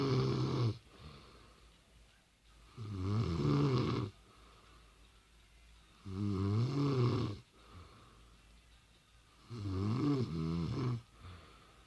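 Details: Woman snoring in bed: loud, rough, low-pitched snores on each in-breath, about 18 breaths a minute, separated by quiet exhalations.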